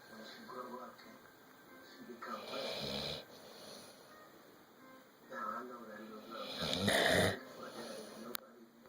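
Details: Sleeping pitbull gives two loud, rough snores about four seconds apart, with faint voices and music in the background: snoring.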